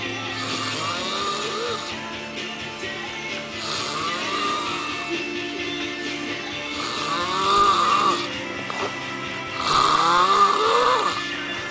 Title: Extremely loud snoring